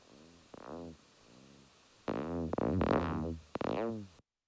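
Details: Electromyography (EMG) recording of individual muscle fibres firing runs of action potentials that wax and wane in frequency and amplitude, heard as revving, buzzing bursts rising and falling in pitch and loudness: myotonic discharge.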